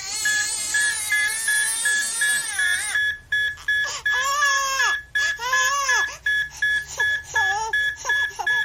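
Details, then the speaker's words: Simulated stress-training audio cue for procedural practice: steady high-pitched telemetry monitor alarm tones repeating under loud, wailing infant crying. "How about a crying baby and alarming telemetry? Here's an example of an audio cue I used for my procedural practice."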